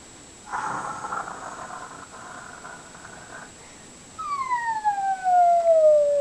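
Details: A 3½-year-old girl pretending to snore: one rough, rasping in-breath, then a falling whistle-like out-breath.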